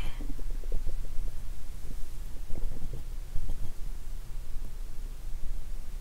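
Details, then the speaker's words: Stomach rumbling recorded lying down on a nearly empty stomach after drinking a lot of lactic acid bacteria drink (Yakult), described as low like hunger sounds: low gurgling and bubbling rumbles; active bowel sounds. ""The sound now was as low as the sound of hunger 😂". "When my stomach rumbling, I feel really good 😊"."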